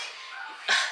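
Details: A single short, sharp cough from a sick toddler who has the same cough another child, Solomon, had, after being given cough medicine and rubbed with vapor rub; the toddler may be the one who just had an 18-month checkup.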